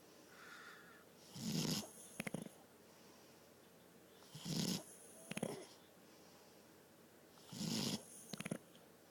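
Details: Three loud rattling snores with snorting bursts on the out-breath, about 19 breaths a minute, during sleep; snoring.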